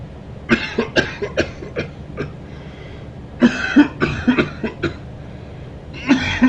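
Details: Man coughing: two bursts of short, harsh, repeated coughs, several in each run, with throat-clearing sounds between them; cough.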